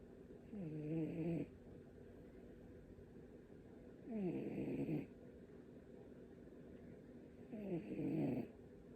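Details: A rescued cat, said to have a snoring problem, asleep on its owner: three soft, fluttering snores, about 18 breaths a minute, with quiet gaps; snoring.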